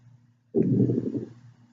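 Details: Loud bowel sounds (borborygmi).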